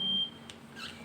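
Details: Hamilton C-3 ventilator being switched on: a brief high-pitched beep, then faint room noise while the unit loads; a normal start-up beep.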